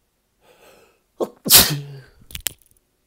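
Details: Sneezing: a quick inward gasp, then a loud explosive sneeze with a voiced tail, followed by two smaller sharp sneezes; a short sneezing fit.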